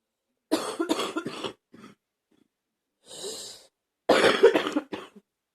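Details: Adult with a bad cold, first in over a year: bursts of loose, chesty coughing with a throat-clearing rasp between bouts.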